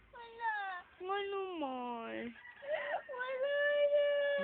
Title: crying baby